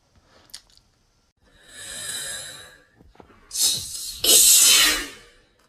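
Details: A hissy intake of breath followed by two sharp, loud bursts of air: a pair of sneezes.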